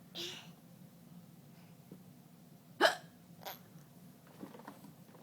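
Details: Sharp, isolated hiccups, each a little catch of breath, spaced a few seconds apart over a quiet background.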